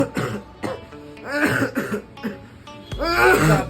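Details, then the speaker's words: An adult man acts out a series of short, harsh, voiced dry coughs over background music, imitating a dry cough. Dry cough. "भैया की तरह खांसी हो रही है अगर हां ऐसी हो रही है तो सबसे पहले बाहर का खाना चावल खटाई वाली चीजें ये सब बंद कर द"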